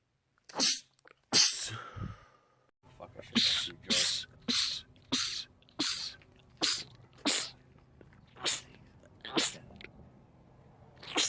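Rapid run of about a dozen sharp, explosive sneezes in quick succession, a sneezing fit.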